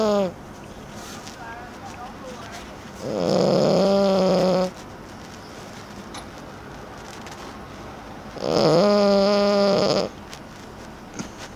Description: Bubbles taking a snooze during the world cup football (Bubbles 30 week old French Bulldog)